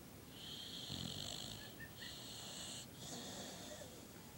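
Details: Female boxer dog with a short, pushed-in nose, snoring: noisy, rasping breathing with a steady high hiss alongside.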